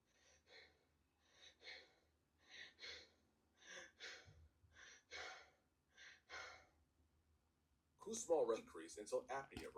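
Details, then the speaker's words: Deep, wide, regular, evenly spaced breaths, about 40 a minute, then louder noise at the end: Kussmaul breathing, the acidotic pattern of diabetic ketoacidosis, example in a pediatric lecture on decreased consciousness. "Essa primeira aqui, a de Kussmaul, são incursões, né, bem amplas e rítmicas e regulares, né? É a respiração bem acidótica."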